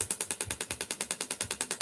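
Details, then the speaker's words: A radial shockwave therapy applicator is held on the skin during a demonstration, giving rapid, regular sharp clicking pulses of about ten per second as shots are delivered. Used for tendinopathies and plantar fasciitis. "so i place it on like so and it just stains so you can see i'm not jumping on my skin those little chop moves through"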